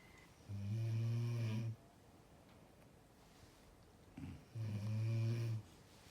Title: Big snoring #snoring #sleep #bedwars